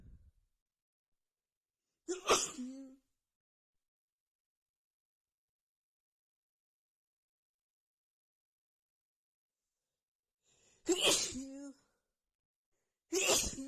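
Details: Repeated sneezing after feeling sneezy all day with a tickling nose: three sharp, hissing sneezes with short voiced tails, separated by long quiet gaps; part of a long sneezing fit.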